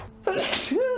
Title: THE SNEEZING NEVER ENDS!